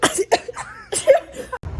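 Two short, sharp throaty bursts with voiced catches, a brief cough or throat-clearing.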